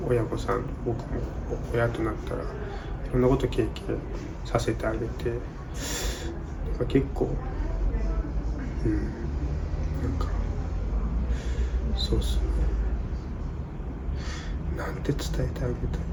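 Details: Adult Japanese man born in 1992 who has stuttered since childhood (became aware at age four), with a grandmother who seemed to have a mild stutter and a father possibly affected; stuttering.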